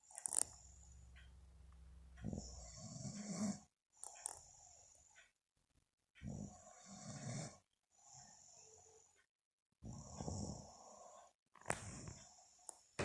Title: Mum snoring for Two Minutes (Almost Caught)